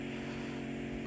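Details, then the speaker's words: Microsuction of very sticky ear wax stuck around the bend of a woman's ear canal, peeled away; steady low droning suction hum throughout; eardrum visible afterwards and hearing improved; ear wax microsuction. "so we're just trying to peel away it was very sticky stuff this uh a bit of a faf to get it all out and it was kind of stuck around the uh around that bend there"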